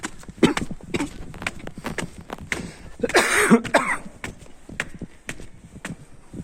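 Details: Adult coughing while filming at Bundi Fort: a short, harsh cough burst, possibly two, amid footsteps and scattered clatter; an ordinary cough.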